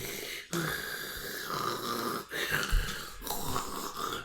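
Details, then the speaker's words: A dog's noisy, rasping breaths with faint whistling, owner reports the dog was wheezing and tried to catch it on the microphone; wheezing. "hold on pause for a fact never mind let's see why because she was wheezing and I wanted to catch it you want to catch it on the microphone"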